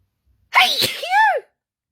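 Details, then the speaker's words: Sneezing at home with no clear trigger while just looking at a phone: a single loud voiced sneeze, a sharp hissy burst with a rising then falling cry, one of a run of sneezes. "Here I go again. Sneezing. Don't even ask me what's caused me to sneeze. I was just looking at my phone."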